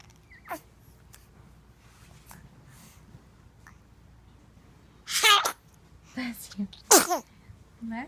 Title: Big sneeze little baby